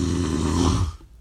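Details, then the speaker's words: A single loud, low, rattling breath lasting about a second, then fading: a heavy snore, self-recorded by an adult during sleep. "I had never heard it before until I recorded it but every person that has slept next to me has suffered through it that sound has ruined countless relationships for me"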